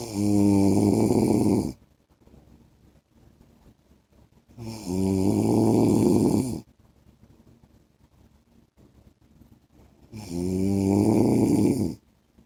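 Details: Adult man (husband) snoring during sleep: loud, rattling snores on each inhalation, about 12 a minute, with quiet pauses between breaths.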